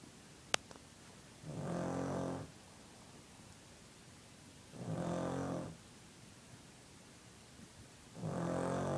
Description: I hav never seen snoring dog before, but there it is dog snoring,,,,,, must watch !!!!!!